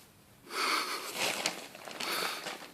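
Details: Shar Pei dog asleep: hissing, snorting breaths through the nose with a whistly edge; noisy nasal breathing and snorting.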